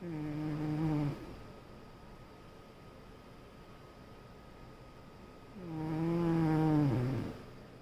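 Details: Sleeping raccoon making two loud, buzzing, voiced snoring breaths separated by a quiet pause, before waking up; snoring.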